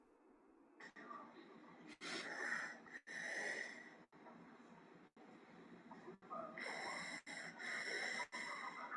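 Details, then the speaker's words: Pediatric airway case: harsh, high-pitched, whistling noisy breathing at about 57 breaths a minute, heard on both inspiration and expiration; stridor from subglottic stenosis. "Es un ruido entrecortado, es un estridor de tipo inspiratorio."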